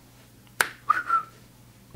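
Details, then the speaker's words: Man with Tourette syndrome (also diagnosed with schizophrenia): a sharp finger snap at once followed by a brief two-part whistle, tics that come in pairs; a vocal whistle tic. "they come in pairs like that a snap and a whistle but I try to control it the best of my ability"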